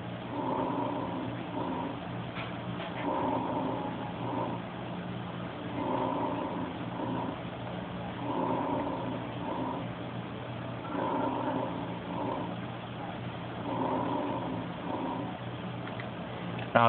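Soft, muffled breath sounds over the chest at about 21 breaths a minute, quieter than usual: diminished vesicular breath sounds, reduced air entry.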